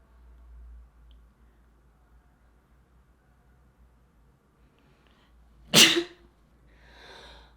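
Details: Single sharp, explosive sneeze in quiet room followed by a brief soft breathy exhalation.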